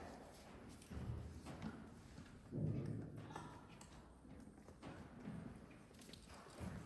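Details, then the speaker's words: Horse with a severe heart murmur: slow, muffled heartbeats with two additional heart sounds and a significant whooshing murmur in place of a normal lub-dub. "This horse's heart goes d. So we have two additional heart sounds with a pretty significant swoosh."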